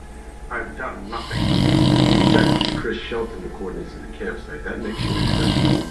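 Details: Adult man taking an afternoon nap: loud, rough, rattling breaths with a fluttering, gurgling quality over steady background noise; heavy snoring.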